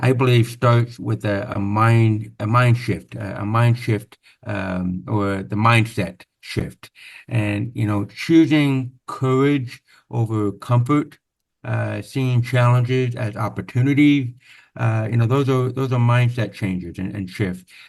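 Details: Man born with severe-to-profound hearing loss (about 90%) who had over 13 years of speech therapy; deaf speech (speech of a person with profound hearing loss).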